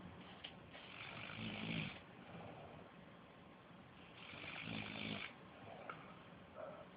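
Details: Two rumbling snores on breathing in, with quiet breathing between them; plain snoring.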